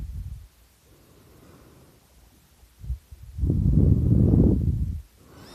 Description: Hey, this is me snoring I was taking a nap and I started snoring really loud it's really funny I'm sorry it's so short someone outside of my room was making noise and woke me up.